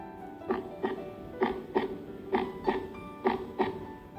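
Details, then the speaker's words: Heard through a stethoscope, regular paired lub-dub beats at about 65 a minute: normal first and second heart sounds (S1, S2). "보통 우리는 심장이 어떻게 뛴다고 얘기해요? 두근두근 뛴다라고 얘기를 하죠. 그리고 외국에서는 럽덥이라고 얘기를 합니다."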